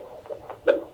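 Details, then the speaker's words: Fetal heart rate on Doppler at a midwife visit, a healthy baby girl who is awake, rate in the 150s to 163, high end of normal: normal fetal heart sounds. "she's awake it sounds like she's in the 150s that's on the high end of normal"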